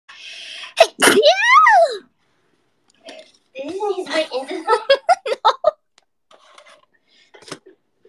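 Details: One sharp sneeze with a rising and falling voiced tail, followed by "excuse me" and a few seconds of talking; an ordinary sneeze.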